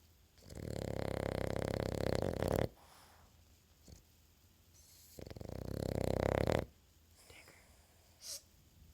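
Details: Snoring during sleep: two long, rough, rattling breaths in a slow sleep rhythm.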